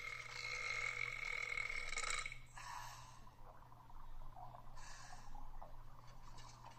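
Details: A drawn-out rough burp, then shorter, quieter burps, over low room hum, from a person who is full; burping.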